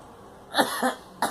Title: Girl coughing